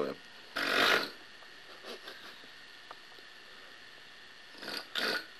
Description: This snoring is the result of a first night in Vegas.